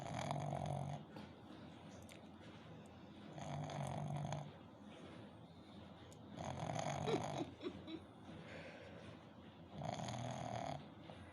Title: cute little puppy snoring